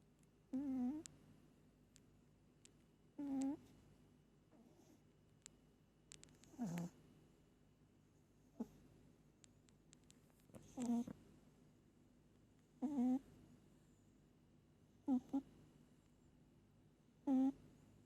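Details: Pet cat sleeping, which snores hard every time she sleeps: short nasal snoring sounds, about 14 a minute, in a quiet room; sleep snoring.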